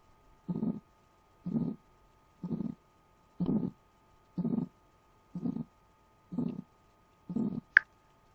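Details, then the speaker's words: Heart beating harder in hypertension with atherosclerosis (cholesterol buildup on artery walls), in a grade 8 biology lesson: eight strong, regular low thumps at about 60 a minute, forceful pounding heartbeat. "as you can hear the heart try to beating harder to reach the blood to other parts of the part of the body because here we have a neuro arteries because of building up the cholesterol or fatty material on the wall of arteries now watch"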